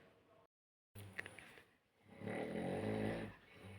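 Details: An adult sleeping late on a Sunday morning, near 10 a.m., gives one long, low, rattling snore on an in-breath in a quiet room after a brief silence and soft clicks.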